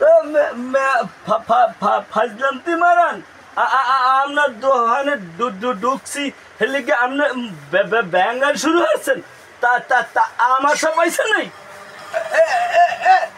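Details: Acted stuttering in a comedy sketch.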